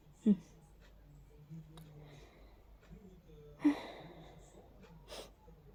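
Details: Two soft sneezes about three seconds apart with quiet breathing between, then a small snort; a mild, tickly hayfever sneezing fit (allergic rhinitis).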